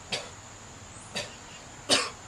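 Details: An acted comedy skit in a quiet room: after a greeting and mention of a cold, a person gives three short, harsh, dry cough bursts about a second apart.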